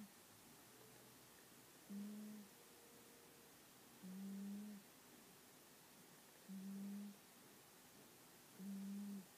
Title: Cat snoring